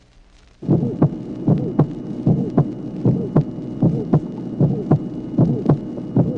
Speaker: Souffle d'éjection musicale de haute tonalité associé à un dédoublement du deuxième bruit.